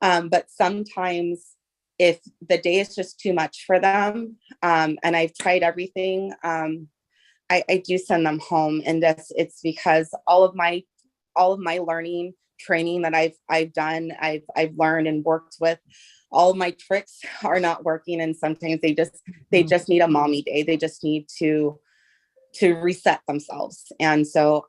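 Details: Adult woman who says she stutters, not always but when trying to think what to say and words come out fast; word repetitions in this stretch; stuttering.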